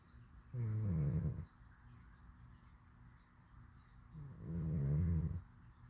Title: Cat snoring in deep sleep!